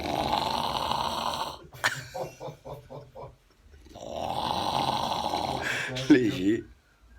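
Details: Intense, loud, harsh buzzing snores, two long ones with a rapid fluttering rattle between them; snoring.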